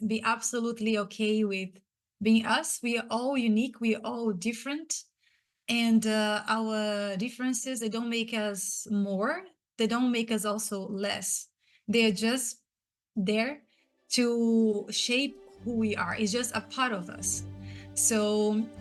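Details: Adult woman who states she is a person who stutters, audible as she talks, and was especially impacted as a child and teenager; stuttering.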